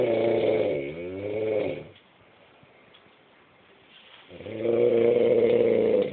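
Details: Husband, who says he doesn't snore, asleep: loud, droning, buzzy snores on each breath with a quiet pause between, clear habitual snoring.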